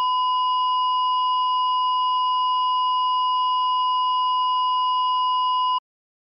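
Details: Simulated EKG heart monitor flatline for a movie or Halloween prop: a steady, unbroken high beep signalling no detected heartbeat.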